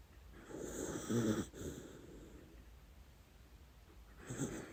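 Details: A dachshund snoring while dreaming: soft, rough inhaled snores with quiet gaps between breaths, in a small quiet room.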